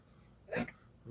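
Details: Female with frequent hiccups, her tongue poking out like a frog's: a single abrupt voiced gulp in a quiet room, a hiccup.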